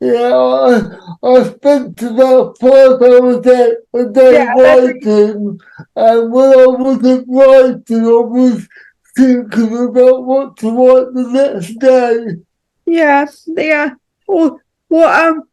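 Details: Dysarthria in an adult man with cerebral palsy.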